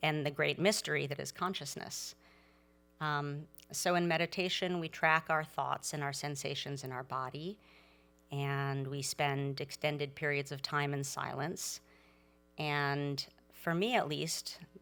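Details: Adult speaker; ordinary speech.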